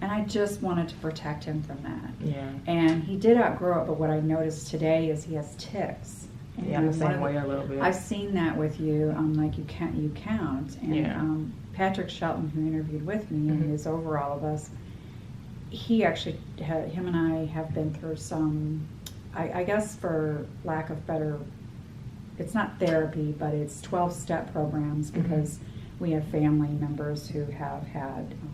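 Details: Adult woman; typical speech.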